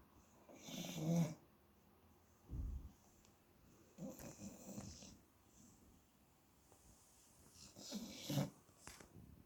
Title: 1 Minute of a sleeping Shar Pei snoring and twitching. Yoshi the 8 year old rescue Snore Pei